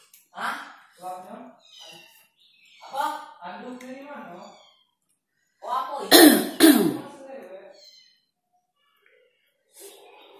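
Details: Person coughing while eating very spicy sambal, tofu and spinach, after saying they choked; eating sounds and throat clearing, then two forceful coughs in a quiet room.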